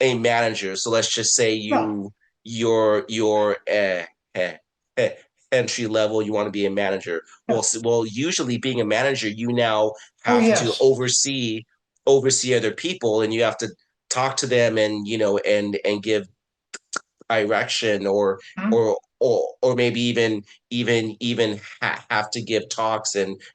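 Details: Adult man, a person who stutters, with repeated words and phrases; stuttering.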